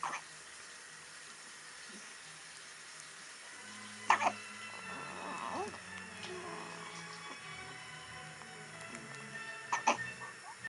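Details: Five-day-old baby hiccups during first time with a soother: two brief, sharp hiccup sounds about six seconds apart, over soft background music.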